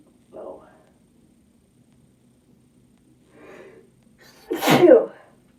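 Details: Female sneeze induced after taking chhinkni, which causes a sudden burning in the nose: two short breathy inhalations, then one sharp, forceful sneeze.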